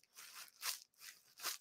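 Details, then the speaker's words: Pericardial friction rub imitated as three brief crinkling, crunching bursts likened to walking on snow, described as audible even without a stethoscope. "Like, you can hear a pericardial friction rub without a stethoscope. And it sounds almost like it sounds like a crunching sound, like snow."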